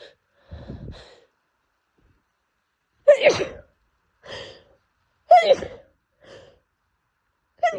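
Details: Adult with pollen allergy sneezing daily for a month despite medication; itchy nose, rapid series of repeated sneezes, each preceded by a short breath catch; allergic sneezing fit.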